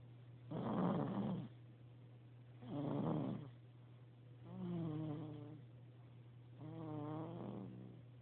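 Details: Snoring during sleep: regular rumbling snores at about 30 breaths a minute, alternating harsh and more tonal, over a steady low hum.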